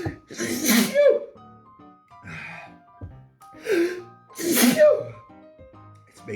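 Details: Epic sneezing fit after eating grilled, roasted Serenade chili peppers (capsaicin overload): several forceful sneezes in quick succession with sharp intakes of breath, background music; sneezing.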